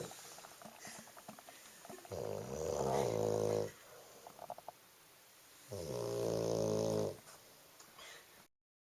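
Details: Very sleepy female snoring loudly: two loud, rumbling snores of about a second and a half each, with quieter breathing between them; loud snoring.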